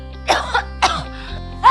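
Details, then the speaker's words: TV advertisement for a flu-and-cough remedy: three short, acted cough bursts from an adult over steady background music, portraying a flu-related cough. "Ultra flu flu batuk dengan formula khusus membantu meredakan gejala flu disertai batuk."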